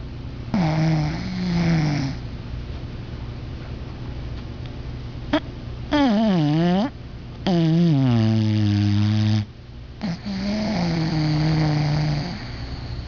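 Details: Sleeping, possibly dreaming, snoring loudly: tonal, whistling snores with rising and falling pitch over long breath phases, suggesting a narrowed, vibrating airway.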